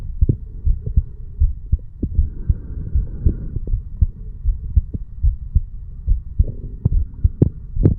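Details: 35-year-old male sitting on stairs, heartbeat recorded at the bicuspid (mitral) valve area: regular low thumps about 79 a minute with faint background hum; normal heart sounds.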